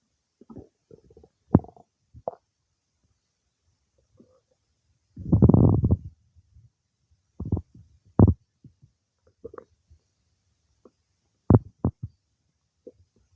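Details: Stomach noises some time after eating cake: irregular gurgles and low rumbles with one longer churning rumble; ordinary digestive bowel sounds.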